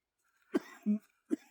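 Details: An adult coughs up mucus from the upper lungs with audible wheezing during a chest workout; productive cough.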